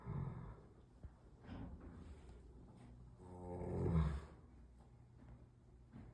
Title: Snoring horse.